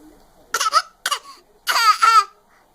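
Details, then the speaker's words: Baby who has learned to fake cough: two short, forced cough-like bursts then a longer voiced, playful cough; voluntary fake cough. "that was such a fake cough you faker you faker what are you doing goof"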